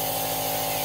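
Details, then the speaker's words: Nebulizer running during a man's twice-daily breathing treatment for cystic fibrosis: continuous loud mechanical buzzing drone with a steady hum; nebulizer running. "so Taylor's doing his breathing treatment right now he has to do that every morning and every night"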